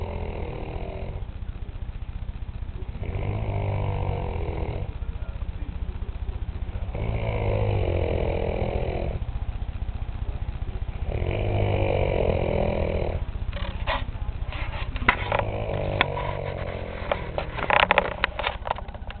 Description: loud snoring capture by wifey